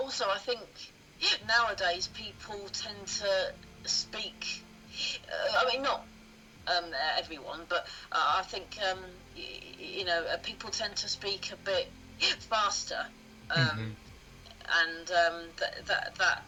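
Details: Adult woman who has stammered since early childhood, around age two or three, telling her story; stuttering.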